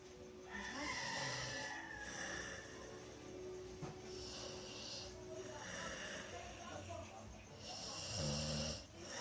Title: snooze & snore :D